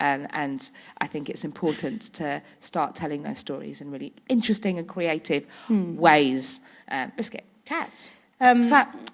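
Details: Woman with Tourette syndrome whose frequent vocal tics are especially the words "biscuit" and "hedgehog"; several times a day her tics intensify until she loses control of her body and speech. Vocal tics (Tourette syndrome).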